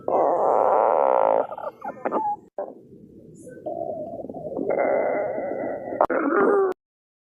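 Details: Loud gurgling, moaning stomach rumbles with a few squeaky, bubbling shifts in pitch, then abrupt pops: stomach growling, or borborygmi.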